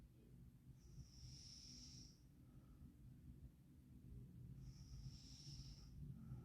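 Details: Girl snoring quietly in sleep: soft, low breathing noise with two faint hissing breaths over a steady background rumble.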